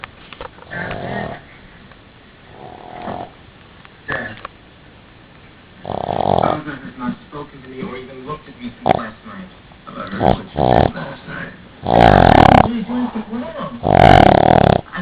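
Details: A Boston terrier snoring loudly: irregular snorting snores and sniffs, the last ones long and rough, with faint talk in the background; dog snoring.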